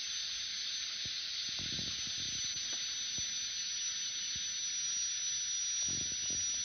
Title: Dentist drill sound effect